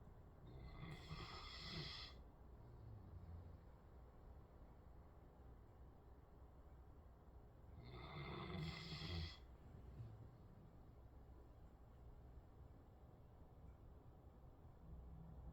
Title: My dog snores LOUD! 😂😂😂